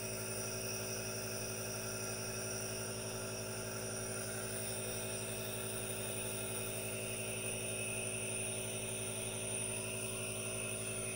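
Steady mechanical hum with a fast regular buzz and airy hiss throughout, a nebulizer compressor running continuously.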